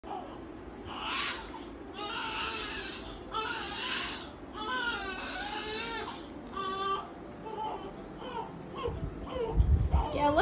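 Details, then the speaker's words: Baby crying in repeated wailing bursts with rising and falling pitch over low room noise. "हुआ, बच्चा रो रहा है? परेशान हो गया, परेशान हो गया।"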